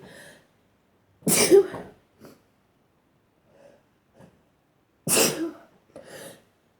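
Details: Sneezing, some stifled and some strong and wet: two strong, wet sneezes with quiet breathing and sniffs between them.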